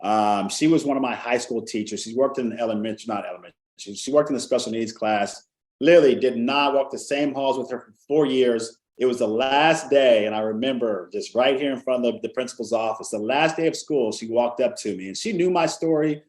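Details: Adult male speaker; no speech disorder.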